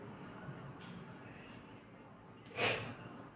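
A single sharp, noisy nasal snort against quiet room background, a forceful sniff through congested nasal passages during a head cold.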